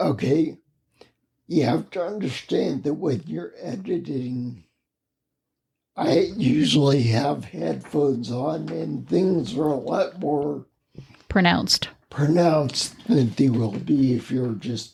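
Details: Ataxic dysarthria in a man with spinocerebellar ataxia, a rare neuromuscular disease causing mobility challenges and a speech impediment, lived with for over 20 years.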